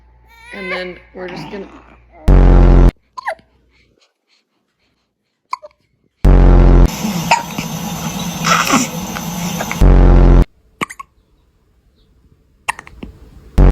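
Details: Infant with hiccups: several brief, soft hiccup sounds, broken up by loud distorted noise bursts and some music.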